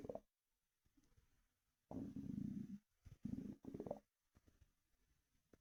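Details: Low gurgling rumbles and sloshing from the stomach after drinking an energy drink: ordinary bowel sounds (borborygmi) with fluid sloshing.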